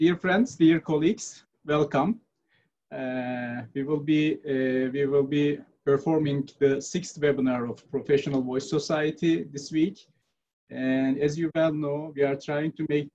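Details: Adult male speaker; normal speech.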